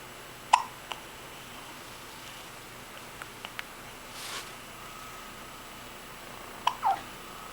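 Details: Two brief, sharp hiccups several seconds apart with a soft breathy sound between, over quiet room noise; hiccups, recorded along with yawning.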